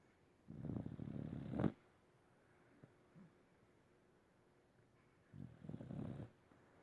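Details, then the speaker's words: Sleeping pet snoring, reportedly a daily occurrence: two low, rattling snores with a quiet gap between them. "Roxy. Did you know you snore? Yeah?"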